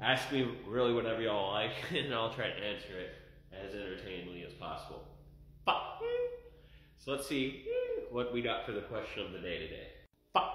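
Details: Adult male with Tourette syndrome, with facial, hand, body, neck and eye-movement tics and muscle spasms; short vocal tic sounds such as "Fu" occur in his speech; Tourette syndrome vocal tics.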